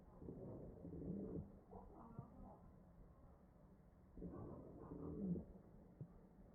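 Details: Real mechanically ventilated patient's chest heard through an electronic stethoscope: two machine-driven breaths with musical, whistling wheezes from narrowed airways.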